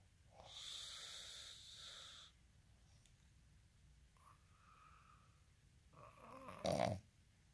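Rough, fluttering snore on the in-breath, then a quieter breath out and a snorting inhale, in a quiet room.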